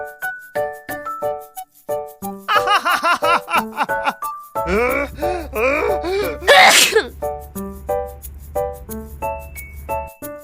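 Loud music with a few exaggerated, drawn-out sneezes in contrasting styles, played for comedy.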